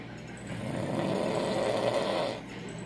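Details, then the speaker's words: Adult man (husband) snoring loudly while asleep at night: one loud, harsh, rattling snore lasting about two seconds. "I have to sleep beside this every night. And so does my 14-month-old. So cute, with the loudest damn snore."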